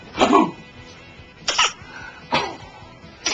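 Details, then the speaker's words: Three to four short, separate infant coughs a second or so apart, with faint music behind, from a baby boy shortly after a scary episode in which he turned red. "now I'm just getting coughs that's all I'm getting is"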